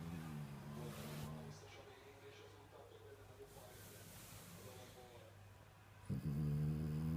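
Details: Snoring from Sophie, a French bulldog.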